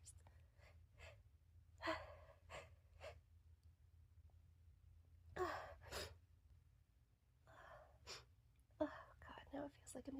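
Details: Woman acting a requested sneeze scenario with a stuffy nose: sharp, breathy in-breaths and sighs building up to a sneeze between soft spoken bits; staged gasping.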